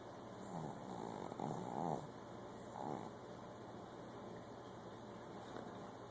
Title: Snoring dog...Riley!